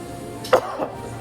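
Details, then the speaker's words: Adult recovering from COVID the previous week, voice still affected, giving a single short, light slight cough with a faint steady hum in the background. "also apologize because I have a slight cough."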